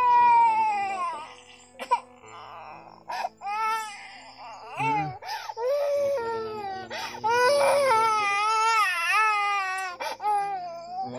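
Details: Young child sick with worsening cough and runny nose crying constantly: loud, sustained distressed crying with sobbing breaks.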